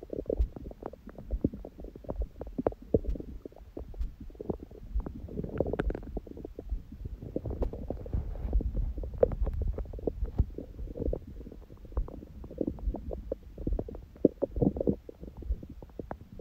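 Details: Bowel sounds recorded after a meal and after ab exercises on a raw-food diet, following a fast from 19:00 the previous day with a large first meal at 16:00: frequent, continuous, lively gurgles, rumbles and clicks, active normal digestion.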